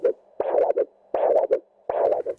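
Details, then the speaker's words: Doppler brachial pulse during ankle-brachial index training: probe over gel on the brachial artery at the antecubital fossa, cuff around the arm; rhythmic whooshing pulses about 80 per minute, a normal arterial signal. "then apply a generous amount of ultrasound gel over the brachial pulse slowly adjust the Doppler probe to obtain an audible"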